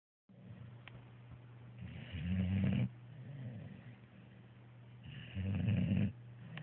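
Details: Snoring: low rattling snores on each inward breath, about two cycles in six seconds, with quieter breathing between.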